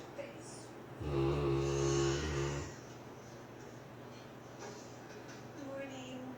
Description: My St. Bernard, or child, sleeping. He snores loudly and often dreams and barks in his sleep. His snoring is louder than that of a human. :-)